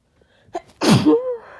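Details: Person with a cold: a brief inward breath then one loud, harsh explosive sneeze trailing into a voiced tail, followed by needing to blow the nose.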